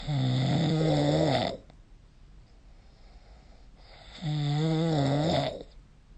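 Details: Snoring recorded with the SnoreLab app.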